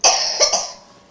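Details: A child gives three quick, harsh, hissy coughs after singing along to a song, then the sound fades: a plain cough.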